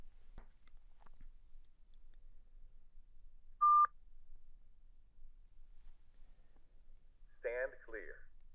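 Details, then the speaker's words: Soft clicks, a single steady beep, then a synthetic spoken prompt from a ZOLL Zenix hospital defibrillator/monitor in AED mode guiding CPR cycles, in a pediatric/neonate instructional demonstration. "If so configured, your Xenix device will power on in AED mode and guide you through CPR cycles."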